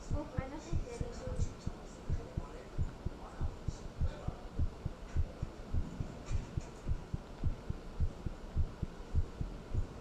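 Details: Steady paired thumps at about 105 a minute with a low hum and faint background sounds; a normal heartbeat, slightly fast.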